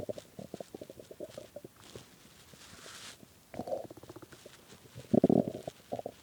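Low gurgling and rumbling with bubbling pops and a few louder growls, typical bowel sounds of an empty, hungry stomach.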